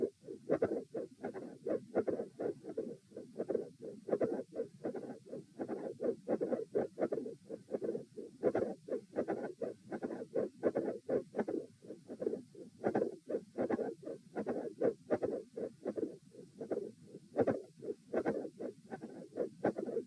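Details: Heart sounds recorded at position A during a repeated auscultation stress test with posture changes, lying, sitting, standing, then lying again; mid-systolic click with fixed split S2.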